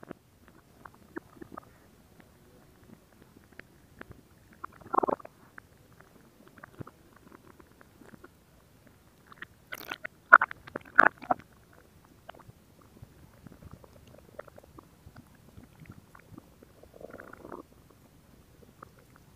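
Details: Scattered gurgles and brief squelching bursts from the abdomen; ordinary stomach growling (borborygmi).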